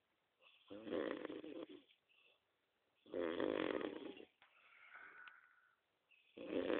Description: meat snoring